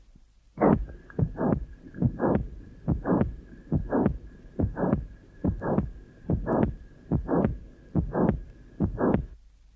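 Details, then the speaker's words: 9-year-old girl with minimal mitral incompetence, recorded at apex: late systolic murmur without click, beginning late and extending crescendo up to the second heart sound. "the recording is taken at the Apex and illustrates well the late beginning of the murmur which extends up to the second heart sound in a crescend manner"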